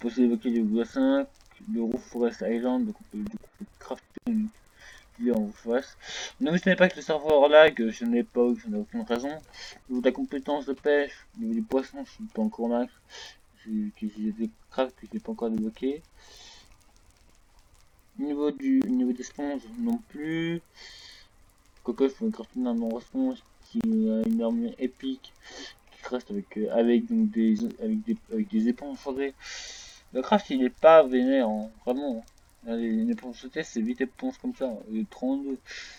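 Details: French-speaking male gamer who reports having a small stuttering problem; stuttering.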